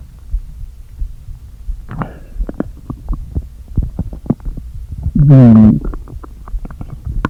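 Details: Stomach growling (borborygmi) after a full day without eating, stomach deliberately inflated with air: low gurgles and pops, then a loud hollow groaning rumble as air shifts in the empty stomach.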